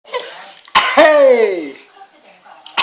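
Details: Grandfather's sneeze: a soft breath in, then one loud explosive sneeze with a long voiced, falling 'choo'.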